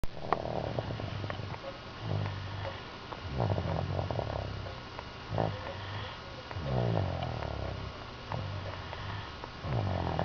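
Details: Démonic snoring during sleep: rough, rumbling snores with each breath, about 19 a minute, somewhat irregular; loud snoring.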